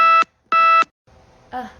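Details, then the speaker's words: Woman 8.5 months pregnant with type 1 diabetes since age 4, with very low energy: two sharp electronic beeps from her glucose monitor alarm, which she says keeps ringing that she is low. "And then my alarm just keeps ringing that I'm low, but yeah."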